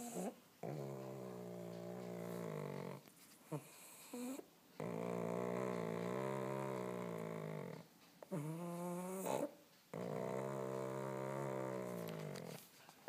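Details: Stertor in an awake pug: loud, rattling snore-like breaths although she isn't sleeping.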